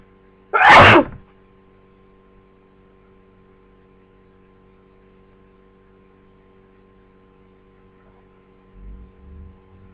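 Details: Person with flu for 2 days, just becoming sneezy: one sharp, forceful sneeze, then a quiet room with a faint hum.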